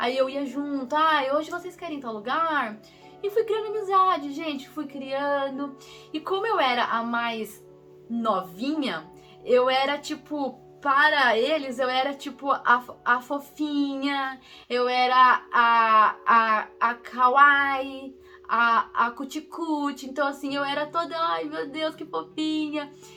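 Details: Portuguese-speaking woman who stutters, with part-word and word repetitions; stuttering.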